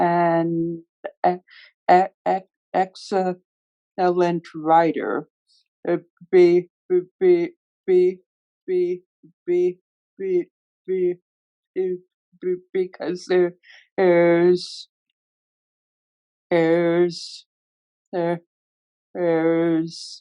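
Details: Adult panelist who stutters, with severe blocks and sound repetitions: stuttering.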